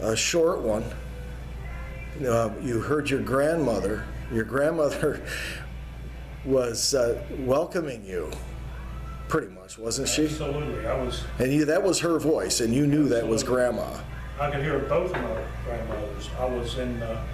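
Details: Adult male speaker; no speech disorder.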